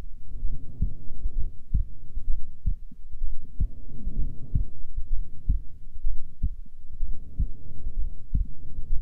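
Steady low thumps at about 64 beats a minute over a soft hum; an ordinary resting heartbeat.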